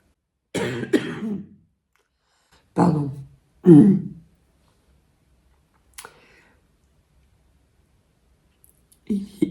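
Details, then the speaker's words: Adult woman with a lost, broken voice gives a few short, rough coughs and throat clearings in a quiet room. "y a potentiellement quelque chose qui vous reste au travers de la gorge j'ai plus de voix et j'ai la voix cassée"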